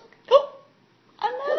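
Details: Infant hiccups: a short, sudden catch in a baby's voice followed by a longer baby vocalization, consistent with a hiccup.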